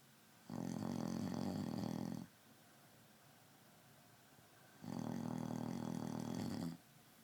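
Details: A man snoring very loudly during sleep: two long, loud, rattling snores separated by quiet pauses.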